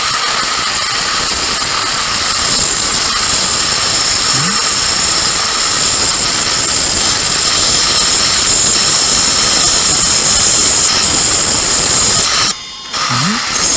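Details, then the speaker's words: Trephine 5/6 cutting an implant osteotomy in a small septum (about 3-4 mm) of an upper second molar socket with no apical bone: steady high-pitched whine with irrigation and suction hiss; trephine passed into the sinus, membrane slightly perforated. "Trephine đã đi qua xoang Nếu bạn sử dụng Trephine một lần nữa Vì nó có thể bị đẩy vào xoang"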